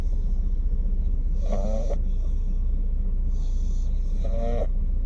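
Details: Pugs: two short nasal snoring snorts over a steady loud rumble of background noise; snoring.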